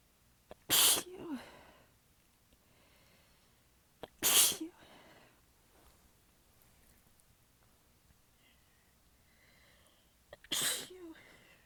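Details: Three sneezes seconds apart, each followed by a brief groan, in a quiet room; the person says they had their nose pinched on one. Repeated sneezing fit; the person is exhausted with sore abs and partly stifling the sneezes.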